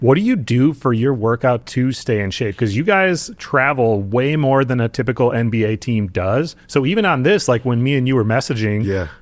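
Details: Adult male speaker; ordinary speech.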